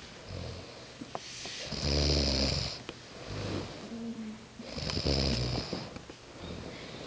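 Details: Mother and daughter asleep on a camping trip, snoring in sync, mother first then daughter: slow, rattling snores on each in-breath, about two in seven seconds, with quiet breathing between; snoring.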